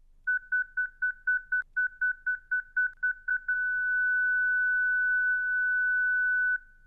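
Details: ZOLL Zenix hospital defibrillator/monitor: rapid beeps about four a second changing to a steady continuous tone as the defibrillator charges, then signals ready to shock.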